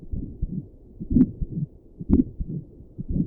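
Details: Own heartbeat at rest, sitting at a desk, recorded with doppler plus stethoscope, visible neck pulse: regular low thumps with soft whooshing pulse sounds, about 60 beats a minute; normal resting heartbeat.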